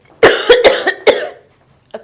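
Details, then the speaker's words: Adult woman demonstrating bodily noises: a short run of four deliberate cough bursts; voluntary imitated cough. "so cough we do a lot if you have a cold if you smoke a lot you will cough if you cough it's no big deal"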